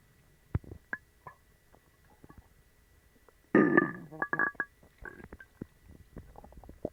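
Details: Gurgling, squeaky bowel sounds with bubbling pops and a longer growl after eating dog treats, which caused a bellyache and loose stool; stomach growling (borborygmi).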